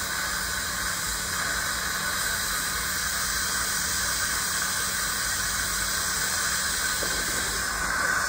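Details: Ultrasonic dental scaler with water spray during a real teeth cleaning of a dentist by a dental hygienist: a steady high-pitched whine with continuous hissing water spray.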